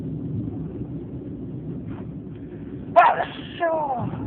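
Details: Sneezing fit, possibly from the change of season in autumn: a single sudden, sharp sneeze burst over steady background rumble, followed by a brief softer sound.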